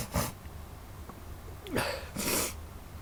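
Three short explosive bursts of air through the nose in about three seconds, a run of sneezes.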